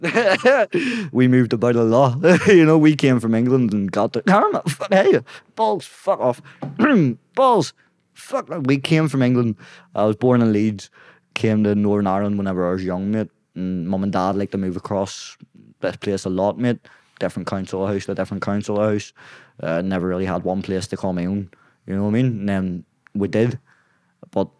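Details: Man with Tourette syndrome, tics beginning at age 16 as a shoulder tic, then vocal tics; involuntary shouted words and swearing during speech; vocal tics with coprolalia (Tourette syndrome).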